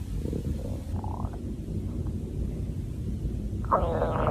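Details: Hunger-related stomach growling from a girl: low rumbling gurgles with brief higher squeaks and a rising whine near the end; a normal bowel sound.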